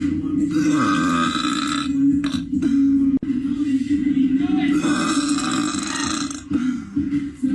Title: Girl’s big burps